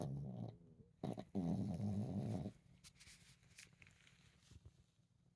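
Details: Small Chihuahua napping after a busy day chasing squirrels and playing: two short, low, vibrating snorts followed by quiet breathing and faint room noise; dog snoring.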